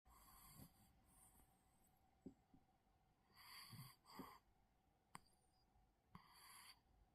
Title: Cat Snoring ❤️🔊